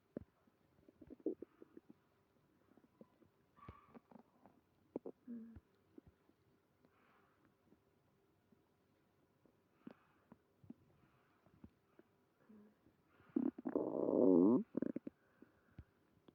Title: Tummy trouble after eating creamy pasta (stomach growling)